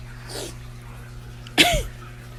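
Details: Grandfather sneezing: faint intake of breath, then one short, sharp sneeze over steady room hum.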